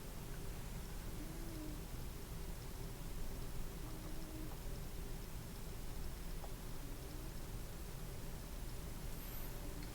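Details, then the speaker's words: Normal bowel sounds on stethoscope auscultation of an adult's abdomen, starting at the right lower quadrant over the ileocecal valve, heard immediately on placing the stethoscope, during a real nurse's abdominal exam. "we're just normal in this case right like the moment I placed the stethoscope I heard vowel sounds right away"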